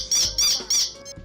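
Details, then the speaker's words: A person who swallowed a toy whistle makes three rhythmic, high-pitched squeaky whistles, like a rubber duck, with each breath. This is a whistle lodged as an airway foreign body. "the kid was apparently playing with one of those doggy toys and swallowed the whistle part a similar thing happened to hector flores jr of new york he sounded like a rubber ducky every time he breathed"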